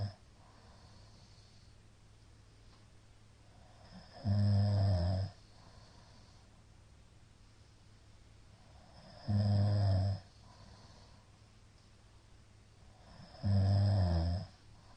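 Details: A middle-aged man snoring heavily in sleep: loud, deep, rattling snores at uneven intervals, about 12 a minute, with quiet stretches between. Shallow hypopneas suggest sleep apnea.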